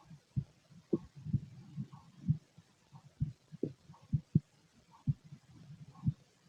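Dull low thumps of an adult heartbeat at about 60 a minute, with faint gurgling in the background.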